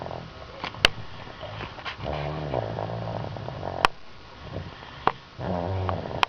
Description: Never thought Her name would effect snoring even.